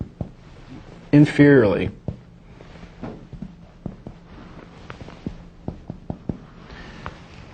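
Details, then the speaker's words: Brief speech, then soft finger taps in groups of two or three: posterior chest percussion on a standardized patient, finger on the back struck quickly, from the top of the lung fields downward, comparing side to side. "you place your index or middle finger uh on the patient's posterior chest and with your other index or middle finger strike quickly two or three times"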